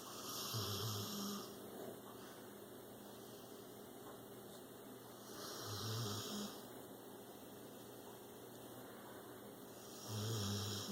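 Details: Slow, steady snores at about 13 a minute, each a low rumbling breath with quiet pauses, from a 6-year-old rescued pit bull out cold during a mid-afternoon nap.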